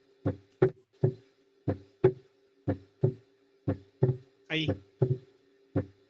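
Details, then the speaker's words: Heart sounds at about 60 beats a minute, lub-dub with a small extra sound right after the second (diastolic) sound: a split second heart sound. "Ya, identifiquen cuál es loop do loop do y después del doop hay un ruidito"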